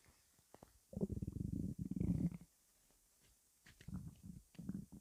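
Bursts of low, bubbling rumbles with quiet gaps between them, in a quiet room; ordinary stomach rumbling.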